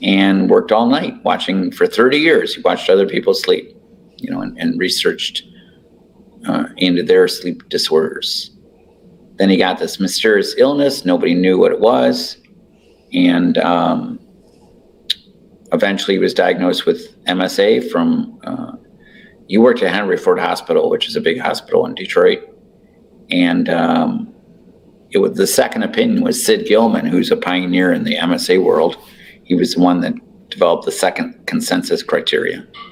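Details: Adult male speaker; normal speech.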